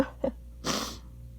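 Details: Sneeze triggered by a feather tickling inside the nose for the first time, after trying hard to hold it back: a brief voiced catch of breath, then one sharp sneeze, with a steady faint room hum.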